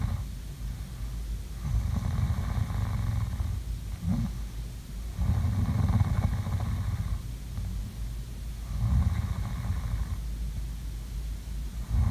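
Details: Low, steady, rumbling snores in a regular rhythm, about 20 breaths a minute, over a constant background hum; ongoing snoring during sleep, recorded as ASMR sleeping sounds.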